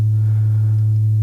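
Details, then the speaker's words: Simulated tinnitus: a steady low bass hum at one pitch, imitating the note heard in the speaker's left ear. It began in South America; flying while congested, permanent hearing damage or a tumor are speculated causes. "this is the sound that's in my also in my left ear this is what it started with in South America it started with this hum in my left ear this is approximately the note"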